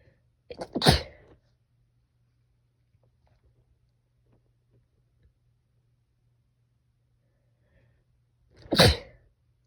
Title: Sneezing in a dusty closet pt 2.